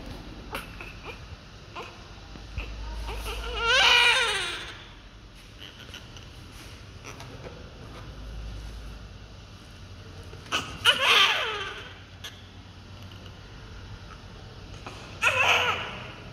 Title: Just newborn baby// after delivery newborn reflex //Breeze delivery #baby